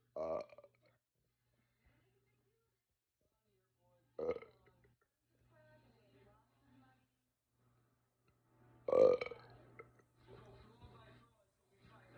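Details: Long session of repeated belching in a person who was not feeling well: three loud burps spaced several seconds apart, with faint low hum between them.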